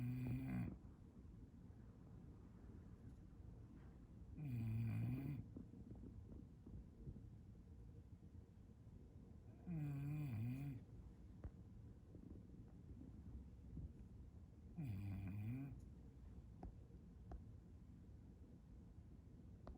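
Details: Low, rattling snores about every five seconds, roughly 12 a minute, with quiet breathing between, from a bulldog napping with its tongue out; loud snoring.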